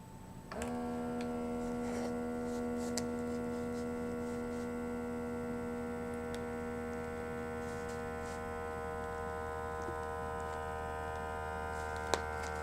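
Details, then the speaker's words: Steady electric motor hum of an automatic blood pressure cuff inflating as an adult man takes his own blood pressure at home during dinner, complaining of burning pain in the left chest. "So I'm going to take my blood pressure."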